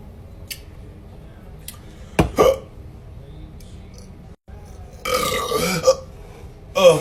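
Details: Ordinary burping in a man after opening a beer: a loud, low croaking belch, then a longer drawn-out burp, with room noise.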